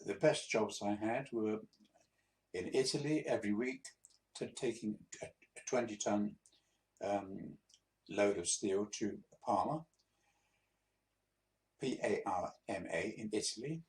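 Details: 82-year-old man, a few months after a mini stroke (transient ischaemic attack), with persisting speech difficulty; speech hesitancy after transient ischaemic attack.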